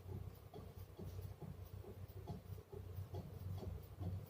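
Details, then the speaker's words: Nebulizer compressor running during a clinical skills-lab inhalation therapy demonstration on an adult male patient wearing a face mask and breathing normally: a steady low mechanical hum with a faint rattling pulse. "bisa kita Nyalakan mesinnya Ya silakan bernafas seperti biasa saja Pak"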